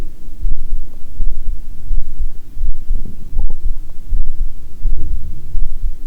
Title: Heartbeat w/ Unintentional Stomach Growling